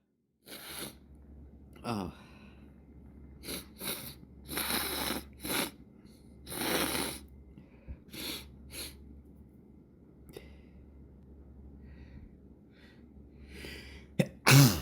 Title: Caught A Morning Sneeze Fit